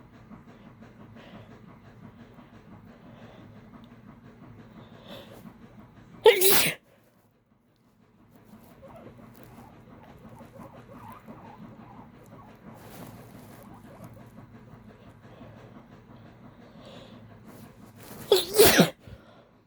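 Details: Woman's allergic sneezing, easily induced while her allergies were acting up: two forceful sneezes about twelve seconds apart against quiet room noise.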